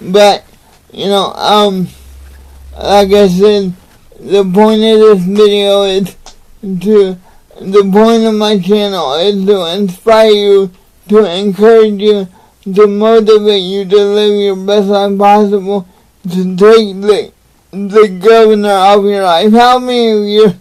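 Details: Adult man with cerebral palsy, real patient; dysarthria (cerebral palsy).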